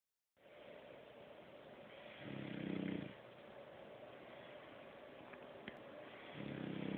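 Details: Shar Pei dog gives two short, rough, whistling breaths against steady background hiss, consistent with wheezing.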